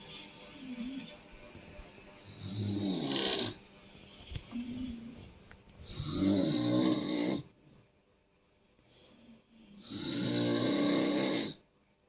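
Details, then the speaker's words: A husband snoring at 3 a.m., loud enough to keep the baby awake. Loud, rasping snores come in regular bursts with each breath in, about 15 a minute, with soft background music: heavy snoring. "শুনে এটা আমার হাজবেন্ডের নাক ডাকা।"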